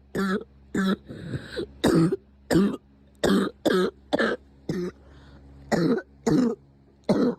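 About twelve short, voiced cough bursts in quick succession, some with a throat-clearing quality; a repetitive cough.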